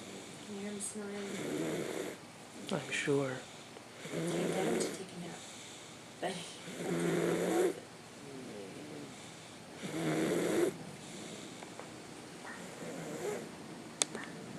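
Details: Young boy snoring in sleep after a bath: rhythmic snoring with each breath in, about 20 breaths a minute, with quieter breathing between snores.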